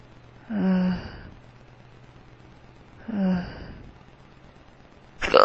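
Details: Two abrupt, short voiced hiccups about two and a half seconds apart, then a sharp noise, from a drunk adult man with powerful hiccups that hurt his stomach; repeated hiccups.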